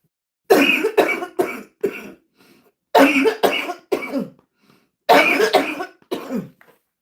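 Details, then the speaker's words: Three bursts of dry, harsh coughing, eleven coughs in all, during a livestream from a person with lupus who coughs more when excited and is trying to avoid going back on prednisone. "Excuse me, baby. When I get um excited, that's when I cough a little bit more."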